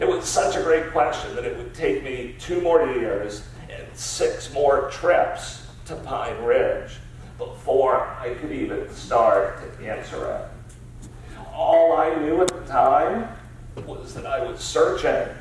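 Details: Adult man with spasmodic dysphonia diagnosed about seven years earlier, a rare neurological disorder affecting only speech with no known cause or cure; treated with periodic Botox injections; voice use not consistent or comfortable; spasmodic dysphonia.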